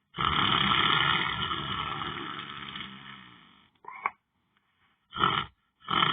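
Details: Sleeper lying on the floor: a long, loud, rough rattling breath fades out, followed by short noisy breath bursts; snoring.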